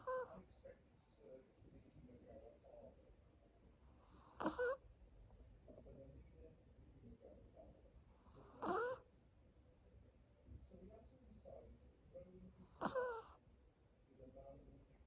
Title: 코고는 강아지(snoring doggo)